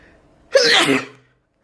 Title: Making myself sneeze, again